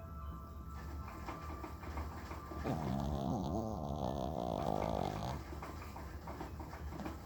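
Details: A pet dog's loud, funny snoring.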